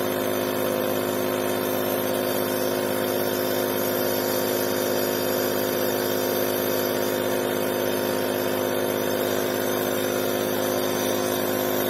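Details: A steady, even mechanical hum with a faint rattling buzz throughout: an Omron InalaPop NE-C704 home compressor nebulizer running continuously, used by a family with respiratory problems.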